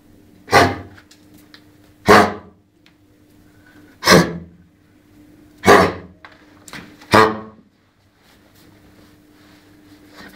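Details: Dog with kennel cough (canine infectious tracheobronchitis, associated with Bordetella bronchiseptica, canine parainfluenza and adenovirus type 2): five harsh, honking "seal-bark" cough bursts.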